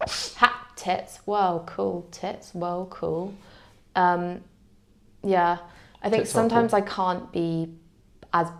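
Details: Young woman with Tourette syndrome whose tics include words and involuntary swear words (coprolalia); vocal tics with coprolalia.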